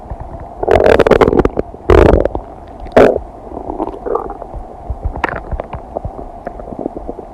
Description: A video edit of sounds of my stomach digesting some kombucha, cheese, and noodles, expanded to last 15 minutes.